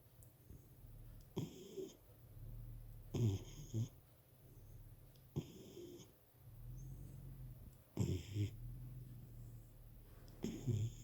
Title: My dog snoring so loud..!